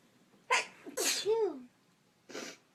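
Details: Induced sneezing in bed: a quick voiced sneeze with a rising-falling vocal sound, then a second later a shorter breathy sneeze.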